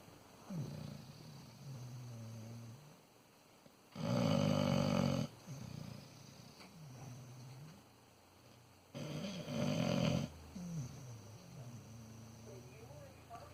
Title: Bear Snores